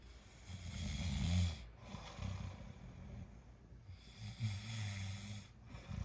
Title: Snoring tonight 💤